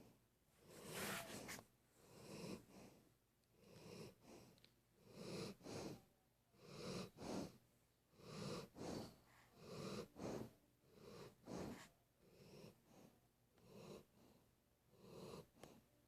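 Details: Rhythmic snoring: a rough, snorting noise on each breath, about forty times a minute, in a quiet room.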